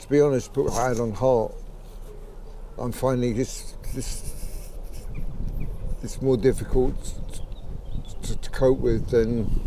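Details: 63-year-old man with Parkinson's disease for 15 years; late-onset stuttering began about age 63, roughly 15 months earlier, thought Parkinson's-related, worse when emotional, excited or talking fast; he sees a speech therapist.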